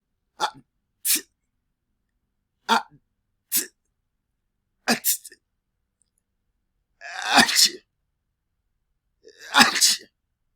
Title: Loud SNEEZE Sounds - Sneezing Sound Effect